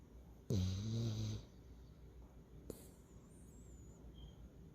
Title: Stinker Snoring